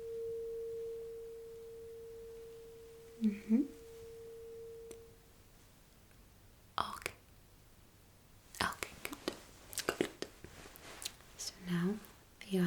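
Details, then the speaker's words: Simulated ASMR cranial nerve exam roleplay hearing test: a struck tuning fork is held behind the ear, then near the ear canal, and its steady pure hum fades out, followed by soft handling clicks and quiet murmurs. "So first I will put it behind your ears and then I will put it a little bit closer to the ear itself to the ear canal and you are actually going to tell me when you can't feel the vibration or hear the sound anymore."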